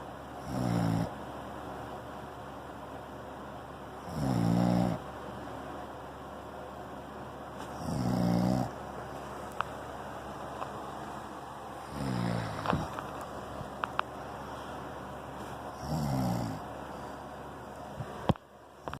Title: Soft snore